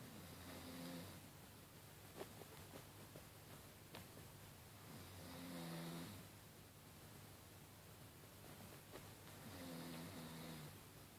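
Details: Three soft, low rumbling snores about four to five seconds apart, roughly 13 per minute, over steady room noise; snoring, possibly with a fart.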